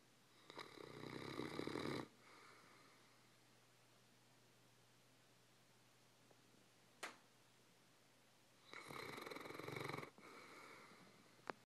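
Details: Snoring in a lazy dog: two loud, rough inhaled snores several seconds apart, with quiet breathing between and steady room hum.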